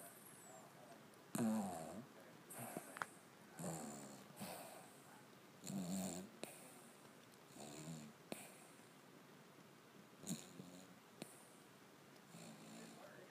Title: My Dog Snoring